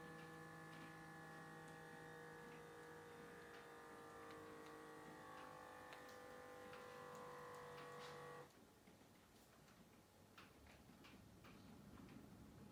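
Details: An automatic blood pressure monitor on an adult's left arm after 15 minutes' rest: a steady motor hum as the cuff inflates for about eight seconds, then a quieter release with soft ticking as it deflates.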